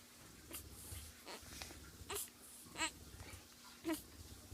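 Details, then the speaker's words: Brief soft fussing cries in short bursts from a newborn at a postpartum care center, face reddening as the caregiver says the baby is hungry: infant hunger cry. "배고파요음 밥 줄까 밥 다 준비돼 있어음 응 이제 배고 이제 배고파아 알았다 알았다 얼굴 빨개진다 어"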